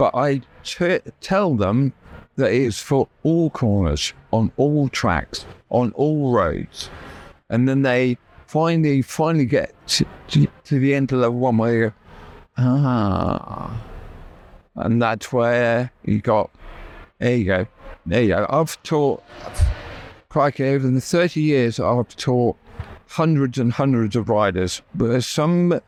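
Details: Adult male stroke survivor with right-sided paralysis who had to relearn speech, leaving hospital able to say only three words, with persistent aphasia where intended words come out differently; aphasia after stroke.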